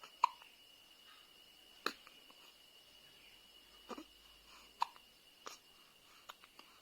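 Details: A newborn baby girl with hiccups: soft, brief hiccup sounds, about seven over seven seconds, in a quiet room.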